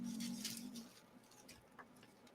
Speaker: hope you guys didn't hear that. My tummy just made a major rumble.